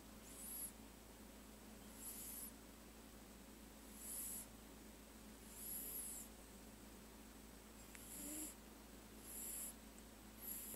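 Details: Sleeping pug puppy: short airy, whistling snores recurring every 1.5 to 2 seconds, roughly 35 a minute; snoring.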